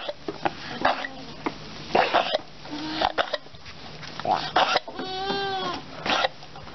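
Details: Several short, harsh cough bursts from a goat with a bleat between them; goat coughing.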